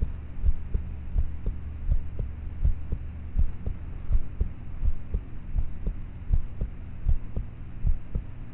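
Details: Own heartbeat recorded at about age thirteen at night, using a cheap mp3 player with a mic; quiet, regular low thumps around 80 per minute under a steady hum, with loud start/stop noises; poor-quality recording of normal heart sounds.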